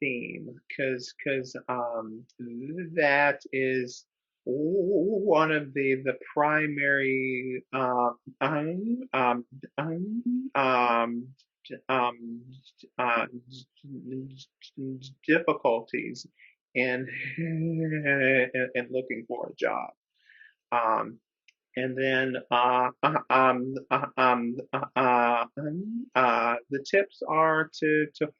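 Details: Adult man who stutters speaking with repetitions and filler interjections; stuttering.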